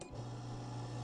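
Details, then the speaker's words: Shockwave therapy unit that generates shock waves with compressed air: after gel is applied and the start button is pressed, a click and then a steady low motor hum as the air compressor kicks on. "so when you're ready to treat you have the gel on first thing you don't want to do then is hit the start button and you'll hear the air compressor kick on"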